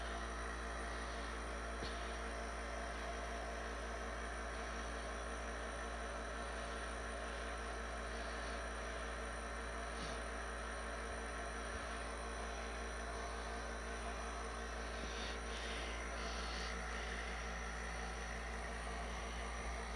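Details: Nebulizer running.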